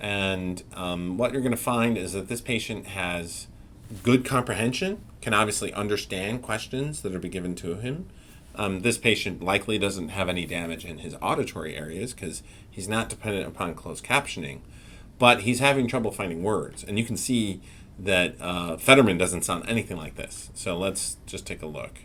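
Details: Adult man narrating; ordinary speech.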